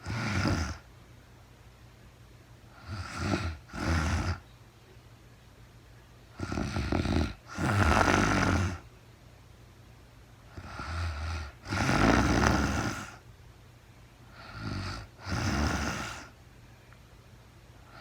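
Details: Real-time recording of a woman sleeping, very tired, no talking: repeated cycles of a short breath then a longer rough snore, about 4 a minute, with quiet pauses between; snoring.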